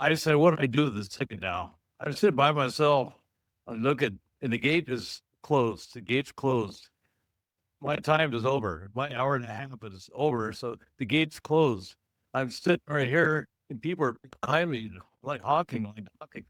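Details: Stroke survivor and aphasia support group member; aphasia.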